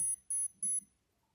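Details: Omron non-contact forehead thermometer taking a temperature reading: three short high-pitched beeps.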